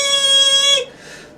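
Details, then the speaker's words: Simulated tinnitus: a steady, loud high-pitched ringing lasting under a second, representing the loud tinnitus of a former professional musician with Meniere's disease, extreme vertigo attacks, hearing loss and diplacusis. "I'm hearing loss which I've never gotten over that tinnitus which is really loud tinnitus like"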